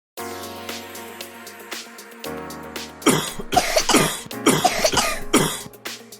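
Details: Cough.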